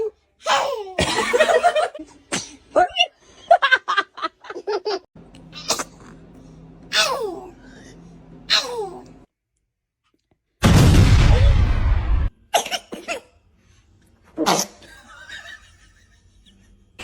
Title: Newborn sneezing 🤧#baby #funnybaby #newbornbaby #cute #cutebaby #funny #funnyvideos #newborn #usa